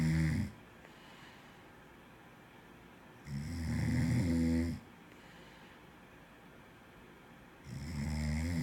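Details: Low rumbling snores on each breath in, about 14 a minute, with quiet pauses between; ordinary snoring.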